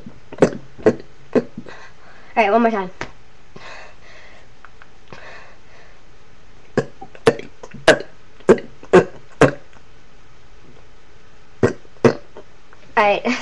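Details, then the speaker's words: Deliberate hiccup-style burps done on request: a series of short, abrupt throaty bursts, a few longer and voiced; repeated burps in a hiccup-like pattern. "hey guys I had a request to do kind of like hiccup burps so I'm going to do that for them thanks for giving us the request anyways"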